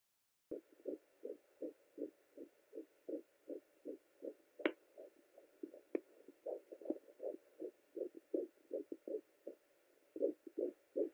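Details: Fetal heartbeat at 10 weeks 5 days of pregnancy on a Sonoline B Doppler: fast, regular whooshing pulses at about 160 beats a minute, a normal rate.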